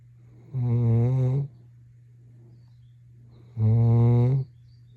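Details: Sleeping Labrador Retriever puppy snoring: two long, low, buzzing breaths about three seconds apart, each with a steady tone.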